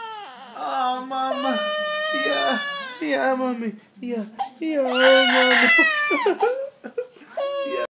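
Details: Infant crying after being startled by her father's pretend sneeze: loud, sobbing wails in repeated bursts with catching breaths between, in a small room, with a frowning lip.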